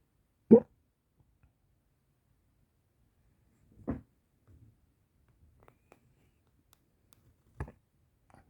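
Three short, abrupt hiccup sounds spaced several seconds apart in a quiet room; repeated hiccups.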